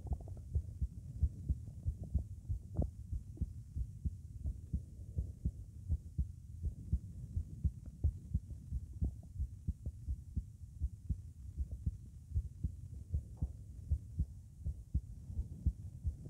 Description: my heart was pounding. so I recorded it at Erb's point. you can hear a systolic murmur at 00:12, 00:17, 00:23 and whenever I breath in.